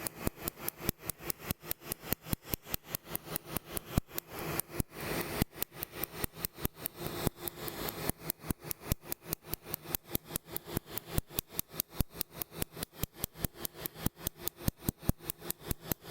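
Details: Regular sharp snapping clicks, about 97 a minute, with a brief pause and some hiss; laser pulses firing on a woman's central chest tattoo during her second removal session, starting at the top.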